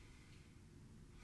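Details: Adult male former smoker, stethoscope auscultation of anterior, posterior and lateral chest during deep breaths: clear, normal vesicular breath sounds.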